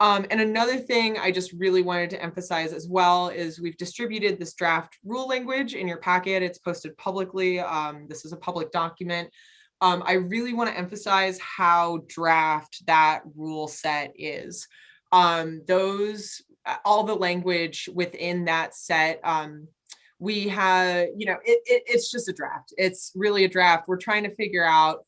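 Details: Adult speaker, one voice, indoors; normal speech.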